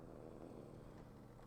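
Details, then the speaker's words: Sleeping pet snoring up close: a quiet, steady low rumble with a faint fluttering texture. "up close and personal. He's snoring. You can hear him."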